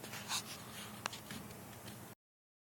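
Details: Harsh, noisy breathing with a loud nasal snort from a sleeping pet; snorting during snoring.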